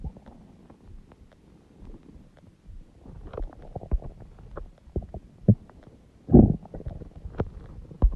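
Irregular low gurgles and rumbles with a few louder pops: ordinary stomach growling from gas and fluid moving through the bowel.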